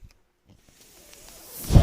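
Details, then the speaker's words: Mechanical ventilator sound heard in the background while the ventilator user speaks. "my name is that noise earrings my ventilator thank you for tuning in to page-turners"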